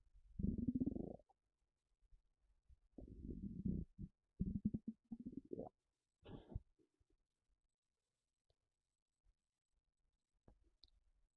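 Several low gurgling, bubbling rumbles in bursts with quiet gaps between them: ordinary stomach rumbling (borborygmi).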